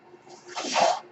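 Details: Mechanical ventilator heard during podcast recording; mechanical ventilator breath cycle.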